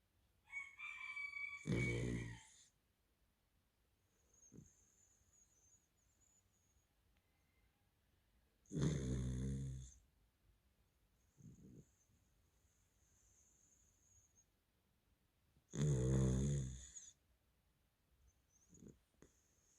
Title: funny dog snoring